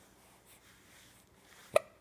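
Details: A baby, too young for sugar, has hiccups that taping didn't stop; a single sharp, abrupt hiccup near the end of a quiet stretch; hiccup.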